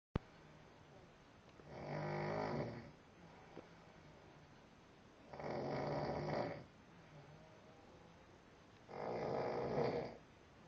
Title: DDB Snoring